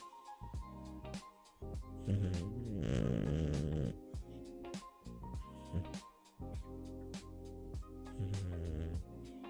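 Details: 13-year-old rescued pet, described as healthy and strong, snoring: low, rattling snores with snorty breaths under background music.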